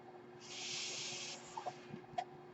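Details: Background noise from the speaker's own ventilator, heard while the speaker talks: home mechanical ventilator breath cycle.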